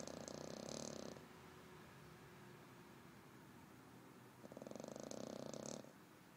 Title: Bibe's snoring